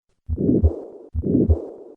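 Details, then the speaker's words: Patient with combined aortic stenosis and aortic regurgitation: two cardiac cycles, with the harsh systolic murmur first, then the softer, trailing diastolic murmur added. "listen to a patient with combined aortic stenosis and regurgitation i will begin with the systolic murmur and then add the diastolic component"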